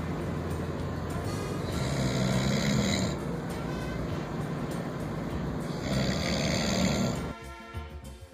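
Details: Two loud, rough snores about four seconds apart over steady background music, from a staged mock world snoring contest; snoring.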